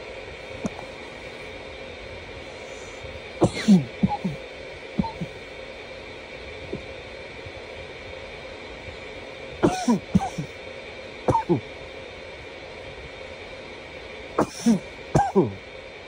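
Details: Nearly 10 minutes of coughing: repeated short coughs in small bouts of two or three, about ten in all, separated by quiet pauses over steady room hum; cough.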